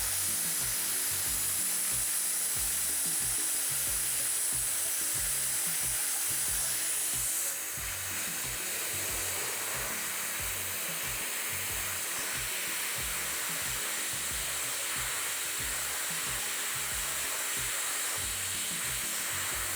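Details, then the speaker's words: High-speed dental handpiece with a pointed football-shaped diamond bur adjusting and shaping the anatomy of a Class I occlusal composite filling on the upper left first molar (tooth 14): continuous high-pitched whine with water-spray hiss. "So the first burr that I'm going to use is this pointed football-shaped diamond burr when I do the adjustment, and same time when I make some anatomy."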